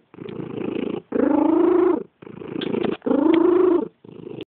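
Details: Cat's steady purr alternating with a high, whistling, squeaky wheeze-like tone on every other breath phase; wheezing during purring.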